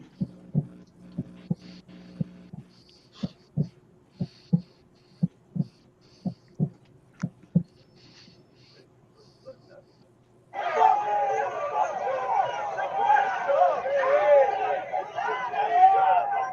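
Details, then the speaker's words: Regular, fairly quiet heartbeat at about 60 beats a minute, turned down low in volume, followed by a stretch of louder music-like sound. "okay well the heartbeat's kind of low I did turn it down"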